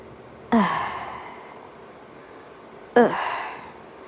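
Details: An adult demonstrates a voluntary "signature cough": two separate sharp, voiced bark-like bursts, each fading in under a second, let out uncovered with an open mouth after a breath.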